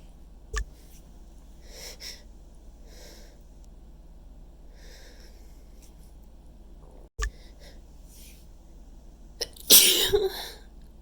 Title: messy chhinkni sneezes pt.2